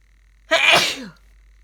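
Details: Person with a worsening cold, also coughing and nose blowing: a single sharp, explosive sneeze lasting about half a second, then quiet; sneezing.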